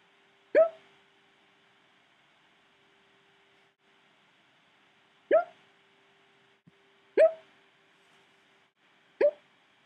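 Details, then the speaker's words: Gabe, who says he gets hiccups all the time: four abrupt, short voiced gulps at irregular intervals in a quiet room; hiccups. "this is not my video for the week but it is a special video just for you I have the hiccups"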